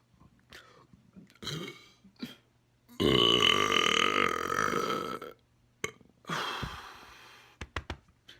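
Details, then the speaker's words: Person burping on purpose, trapped air: a long, loud belch and a second shorter one among a few small gulping burps, in a quiet room. "there's a lot trapped inside me now so i should get some more big ones let's get going this kingdom let's try and get just a few more big ones that's a pretty good one let's try and get one more really big one"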